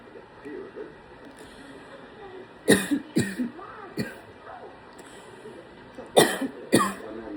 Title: Got a little bit of a cough from allergies 🤧